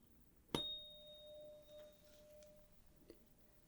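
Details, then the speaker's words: Roleplayed ENT exam: sharp strike then clear steady ringing tone fading over seconds, tuning fork placed on the mastoid then in front of the ear for Rinne and Weber hearing tests. "Now I'm going to strike the tuning fork. I'm going to put it on the mastoid process on the bone behind the ear."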